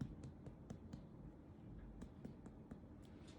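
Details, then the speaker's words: Abdominal percussion of a recumbent patient, right side: two quick runs of light, hollow finger taps, about a dozen in all, over the flank and iliac fossa, giving a tympanic note, below the liver's dullness. "Y luego cuando vayamos bajando, ya dígase en el flanco y en la fosa ilíaca, deberíamos de escuchar el timpanismo."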